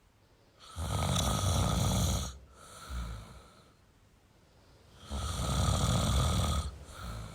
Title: Male Snoring Sound toYou don't feel alone